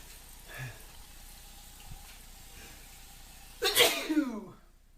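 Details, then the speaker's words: Adult male with hay fever, pollen-triggered after being outside; quiet room, faint vocal sound, then one loud explosive sneeze that trails off: allergic sneezing. "This is what it's like when I first wake up in the morning and the pollen gets me."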